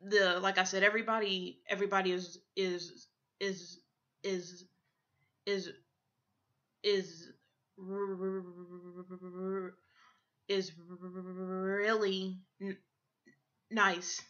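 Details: Adult woman who stutters; a repeated word followed by a pause; stuttering.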